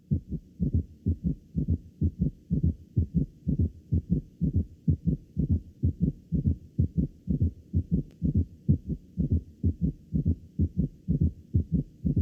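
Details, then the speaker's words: Heart auscultation teaching recording: a regular heartbeat near 63 a minute with four sounds per cycle, S3 and S4 added to the two normal sounds; quadruple rhythm or summation gallop. "es igual la presencia del S3 y el S4 más nuestros dos ruidos normales"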